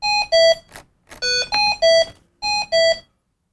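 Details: A Hamilton-T1 transport ventilator sounds its alarm, repeating groups of two-tone electronic beeps, after the lower alarm limit was adjusted in a basic training demonstration.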